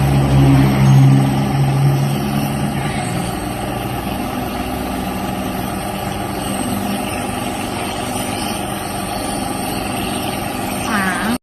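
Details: Steady low mechanical hum and rattle of a nebulizer compressor running continuously during nebulization of a child with cough and cold.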